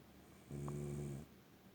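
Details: An adult woman snoring while asleep in bed: a single low, buzzing breath lasting under a second over faint room noise.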